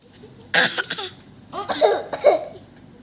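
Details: A child coughs: a few short, partly voiced coughs in two quick bursts against a quiet background.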